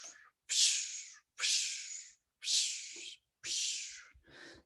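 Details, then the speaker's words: Vocal imitation of a heart murmur in a physiology lecture: four breathy whooshing, swooshing hisses representing turbulent flow, as may occur with stenosis (narrowing) of a valve. "so a murmur we would hear as it as a different sound we hear it sounds like a swoosh or a whooshing"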